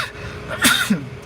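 A single sharp, noisy burst with a brief voiced catch, an adult sneeze from allergy.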